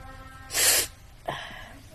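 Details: A single sharp, hissing burst of air through the nose and mouth, followed by a short breath; a sneeze.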